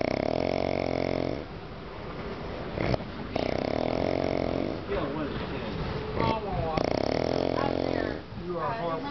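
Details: Very loud, rasping, buzzing snoring from a sleeping male, three snores about 3.5 seconds apart (roughly 17 per minute), with people talking and laughing nearby.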